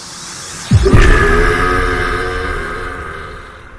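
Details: Gamer deliberately burping into online Counter-Strike: Global Offensive voice chat to troll other players: one long, loud, low rumbling belch that trails off over about three seconds, with game sounds behind; forced burp.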